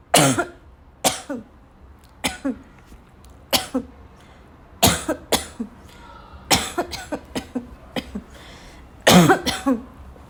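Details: Girl's afternoon coughing fit that started weak and became violent, tagged as a barking cough: harsh, forceful coughs, single and in runs of two or three, about twelve in ten seconds, with some throat clearing; cough.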